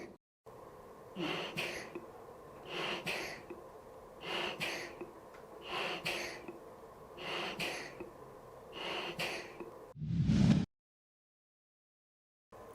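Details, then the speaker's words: Bag-valve-mask ventilation on a manikin during CPR practice: a self-inflating (Ambu) bag with the mask fitted tightly over the mouth is squeezed firmly, giving six regular air bursts about every 1.5 seconds, then a louder puff. "ഇത് ഇതുപോലെ തന്നെ വായോട് ചേർത്ത് ടൈറ്റായി fit ചെയ്തതിനു ശേഷം നമ്മൾ bag പീഞ്ഞ് മതി ഇത്തരത്തിൽ ശക്തിയിൽ പീഞ്ചി കഴിഞ്ഞാൽ ദാ ഇത് വിശ്വസിക്കുന്നതായിട്ട് കാണാൻ പറ്റും നമുക്ക്"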